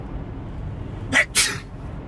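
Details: Man sneezing voluntarily on command: single sharp two-part sneeze, quick intake burst then forceful hissing blast, against quiet room noise; sneeze.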